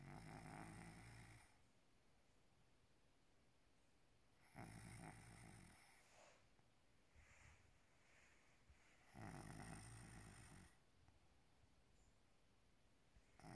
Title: Maine coon is snoring like a human